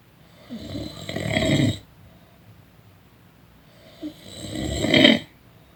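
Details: Person snoring during a nap: two snoring breaths building in loudness with a harsh, fluttering rasp, about four seconds apart; ordinary snoring.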